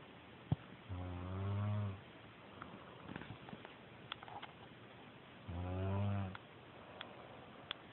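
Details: Man snoring loudly at about 3 a.m., keeping another person awake: two loud, low, rattling inspiratory snores about four seconds apart, with quiet room noise and faint clicks between them.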